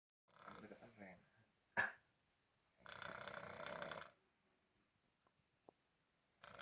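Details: Snoring.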